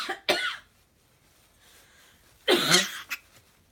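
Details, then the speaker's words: A parrot gives three quick cough-like bursts, a learned imitation of a human cough used to call its owner, not illness. "so when you hear grow do this it's actually him calling for Sarah like hey come over here"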